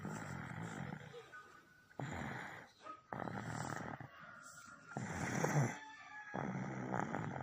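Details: Sleeping baby snoring: short snorting, snore-like breaths coming in bursts, mixed with faint room noise.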